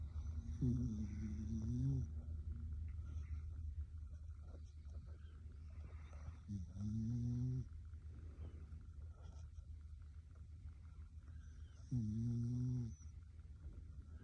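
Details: Female dog snoring: three drawn-out, buzzing, pig-like snorts over steady background hum; loud snoring.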